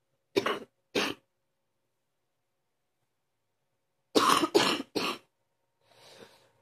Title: # 84 Morning deep cough